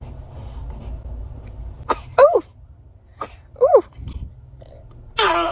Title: Newborn sneezing 🤧#baby #funnybaby #newbornbaby #cute #cutebaby #funny #funnyvideos #newborn #usa